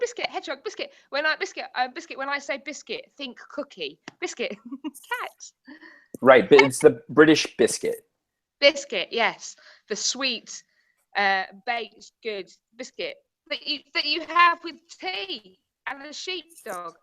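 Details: Tourette syndrome in a woman, with involuntary interjected random words such as "biscuit" and "hedgehog" while speaking; Tourette syndrome vocal tics.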